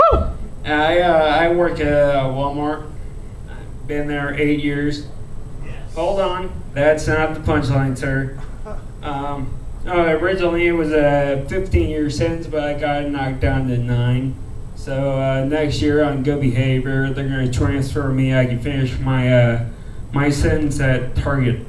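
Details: Adult male comedian with a rare disease he calls cerebral ataxia, which he says slows his speech; ataxic dysarthria.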